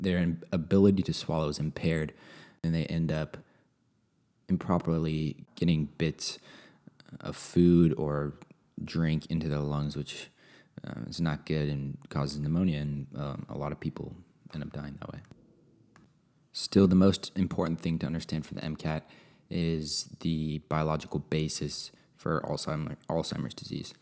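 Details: Adult male speaker; normal speech.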